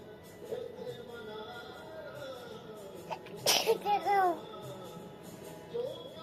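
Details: Little girl sneezing while trying to pull off her bangles, then saying a few words; sneeze.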